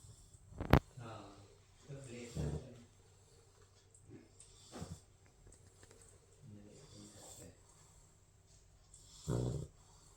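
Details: Sleeping Labrador puppy snoring: soft, irregular snuffling snores with brief snorts on breathing in, against quiet room noise.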